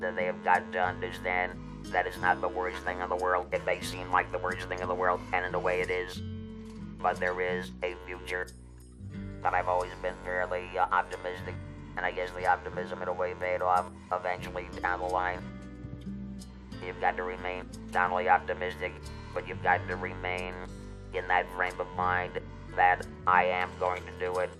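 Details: Electrolaryngeal speech from a former broadcaster who had a laryngectomy for larynx cancer and has used an electrolarynx for about 14 years.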